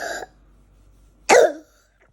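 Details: Young child with pneumonia flare-up, coughing until short of breath at midnight and taken to the emergency room: a short harsh cough, then a single louder, wetter cough after a pause.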